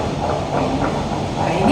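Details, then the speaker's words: Fetal heartbeat heard on a handheld Doppler probe placed with gel over the fetal back on the maternal abdomen; ideal fetal heart rate is 120–160, and above 160 suggests fetal distress. "dan idealnya adalah 120 sampai 160 ya, waspada fetal distress kalau lebih dari 160."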